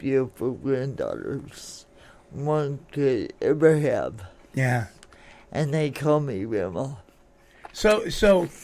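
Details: Adult woman born in 1959 with lifelong cerebral palsy, which she attributes to oxygen being cut off to her brain during delivery, affecting her speech and motor skills; some listeners have difficulty understanding her; dysarthria (cerebral palsy).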